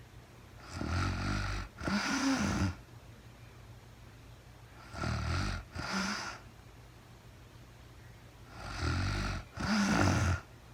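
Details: Real-time recording of a sleeping woman, very tired: rhythmic snoring in paired bursts, rough on breathing in, softer on breathing out, about 15 breaths a minute.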